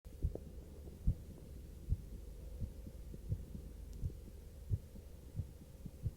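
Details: Steady low heartbeat thumps at about 70 a minute over a constant hum, recorded after short arm exercise; normal heartbeat after exercise.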